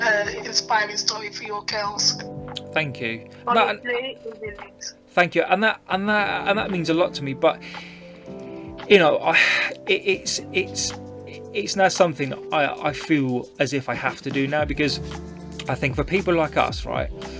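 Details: Adult woman who stammers, who also reports a vocal cord condition that sometimes stops her producing any sound and considers her stammer not that bad, speaking in a podcast interview: stuttering.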